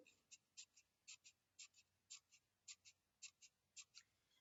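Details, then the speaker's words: Paired scratchy rubbing sounds repeating rhythmically, made by rubbing the two ends of a piece of paper together: a simulated pleural friction rub. "صوت انا عاملاه بالورقه ان انا ماسكه الورقه وباحاول همم اخلي الورقه الطرفينها اا يحكوا في بعضهم"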